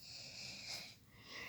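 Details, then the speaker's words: Small pet dog sleeping at 2 a.m. beside owner playing a video game: soft hissing, whistling breath noise through the nose; light snoring. "Ahí está roncando. Está roncando y recién me di cuenta."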